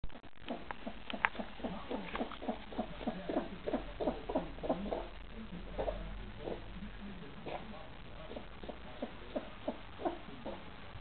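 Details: Female cat with a persistent cough that a vet diagnosed as asthma and that never resolved despite antibiotics and inhalers: runs of repeated short, harsh hacking coughs in bursts; feline asthma cough.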